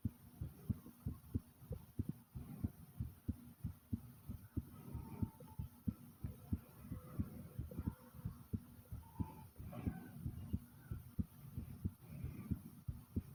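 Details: Loud, fast, forceful heartbeat at about 92 beats a minute, with stomach growling and faint gurgles alongside; rapid heartbeat.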